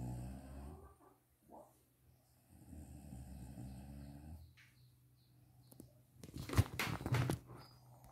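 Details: Adult woman (mother) sleeping during a daytime nap: low rumbling snoring, followed by louder knocking or door-opening noise.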